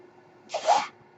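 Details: A podcaster's own mechanical ventilator, recorded while he speaks: a brief airy hiss with a faint whistle rises and fades over a low steady machine hum, one delivered breath.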